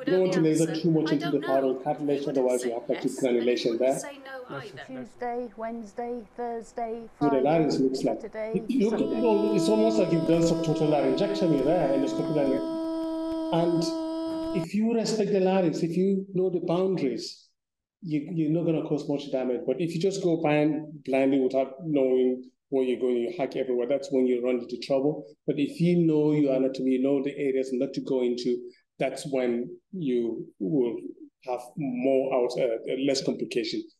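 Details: Adult speaker; plain speech.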